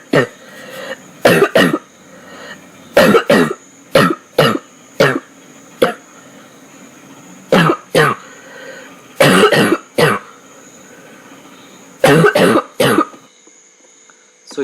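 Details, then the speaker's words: Example of a loud, dry barking cough: repeated harsh, dry cough bursts in short runs, typical of irritated upper airways. "here you can see a lot of dryness, and again it's typically like a barking sound."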